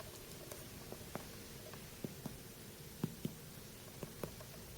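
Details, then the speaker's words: Physical assessment of a male patient's flat, symmetric abdomen: soft paired percussion taps give hollow, slightly varying notes, possibly from an air bubble, judged nothing out of the ordinary; abdominal tympany. "so you can hear those little um change there probably because there's an air bubble to feel that okay so on percussion there's variances but nothing out of the ordinary"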